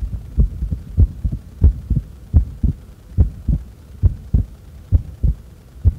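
Steady paired low thumps at about 75 beats a minute with no breath noise: regular heartbeat recorded during breath-holding.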